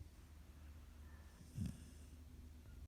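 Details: A dog gives a single short, low, snuffling snort of air through the nose against a quiet room hum; snorting.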